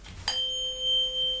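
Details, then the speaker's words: Simulated doctor roleplay of a cranial nerve exam: a tuning fork struck for a hearing test beside the ear, a sharp strike then a clear steady ringing tone that slowly fades. "Now this one's not. This one's a lot louder actually. Okay, let's try that again."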